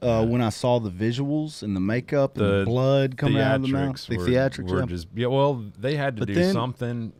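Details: Adult male speaker; normal speech.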